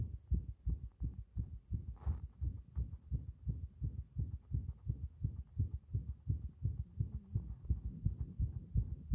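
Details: Fast, muffled heartbeat near 170 a minute with uneven spacing between beats; compressed heart sound recording with arrhythmia.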